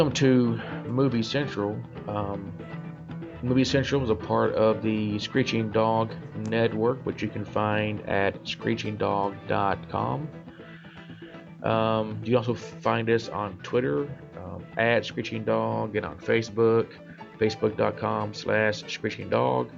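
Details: Adult male self-described stutterer; part-word and whole-word repetitions; stuttering.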